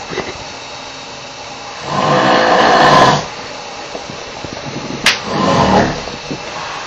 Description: A video of some very loud snoring.